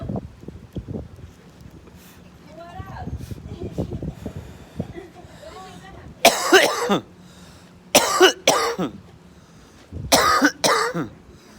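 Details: Five deliberate, forceful voluntary coughs in pairs and singles during a coughing contest, after quiet background chatter and handling noise: voluntary cough.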